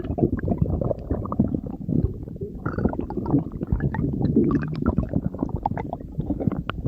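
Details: Continuous low rumbling and gurgling with bubbly pops throughout: stomach growling (borborygmi).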